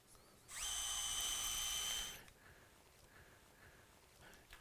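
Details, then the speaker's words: Opening wedge high tibial osteotomy, left knee: high-pitched motor whine under two seconds, then quiet, as the hinge pin drill runs front to back through the sleeve. "good now we come in with our second pin and we often have to retract the skin and the mcl before we put that second pin in right here below the"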